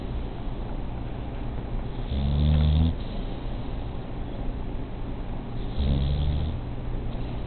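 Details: Two low, rumbling snores, each under a second, against a steady background hum.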